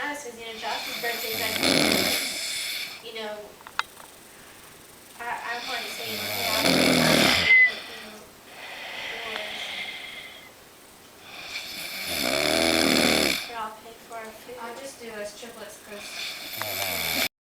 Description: my brother fell asleep on the couch, and we caught him snoring really loud!